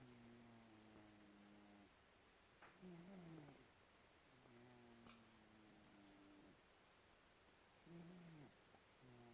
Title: Snowball the snoring cat